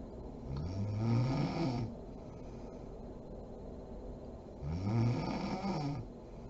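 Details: Mother snoring while asleep: two deep, throaty inspiratory snores a few seconds apart with quiet breathing between.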